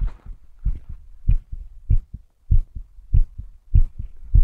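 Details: Strong, regular paired low thumps at about 97 beats a minute; normal heartbeat.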